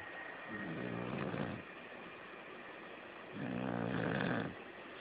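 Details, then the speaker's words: A sleeping female snoring so loudly it could be heard from the front porch over the air conditioner: two long, loud, rattling snores about three seconds apart, roughly 20 breaths a minute, over steady room hum. "No, she's snoring. Hope you can see me. Check it out. It's so loud, I was able to hear it out there on the front porch area."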